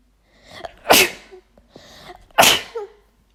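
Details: Two forceful sneezes from a female, each with a short in-breath before the burst, deliberately brought on by chhinkni nasal irritant powder.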